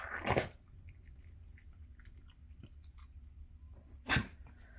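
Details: A dog gives two short, harsh coughs about four seconds apart in a quiet room at night.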